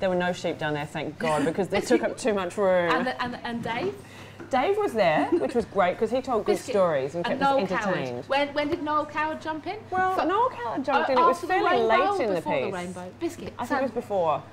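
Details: Adult woman with Tourette syndrome whose recurring vocal tics, such as interjected 'biscuit', are included in conversation rather than ignored; Tourette syndrome vocal tics.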